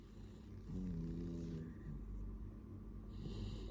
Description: Dog snoring 💤